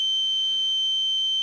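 A steady, pure high-pitched tone holds unchanged throughout, with a faint low hum underneath. It is a simulation of ringing (tonal) tinnitus, one of the most common forms; many people hear their ringing at an even higher pitch than this.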